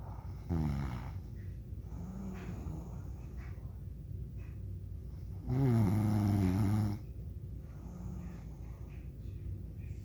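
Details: An adult father snoring in sleep: deep, rumbling snores on the in-breath, one long and loud, with quieter breaths between.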